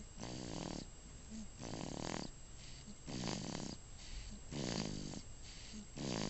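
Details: Snoring, audible with speakers turned up: soft, rhythmic rattling snores at about 20 breaths per minute, likely a sleeping dog.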